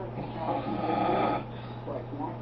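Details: Man sleeping in the afternoon, snoring loudly: one long, rough, vibrating snore on the in-breath, followed by a quieter breath, over a steady mains hum.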